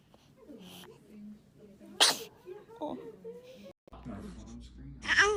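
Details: Soft babbling from a baby broken by a short, sharp sneeze, then a second sneeze at the end; an adult voice murmurs in between.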